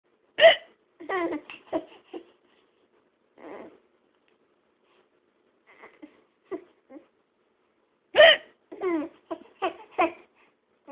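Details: A mother's hiccups: two sharp, abrupt adult hiccup sounds, each followed by her young son's giggling, with quiet pauses between.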